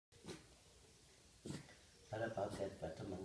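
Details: Maltese dog with distemper, on doxycycline, diazepam for fits and theophylline for breathing: two single coughs, then a quick run of harsh, hacking coughs; distemper cough.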